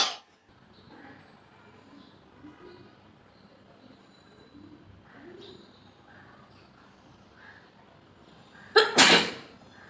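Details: Quiet room with faint murmuring, then one loud, explosive sneeze near the end; a normal sneeze reflex set off by a COVID-19 nasal swab test.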